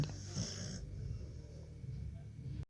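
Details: Sleeping pit bull/American Staffordshire terrier: low rumbling, rattling breath noise with a short snorting hiss at the start; snoring.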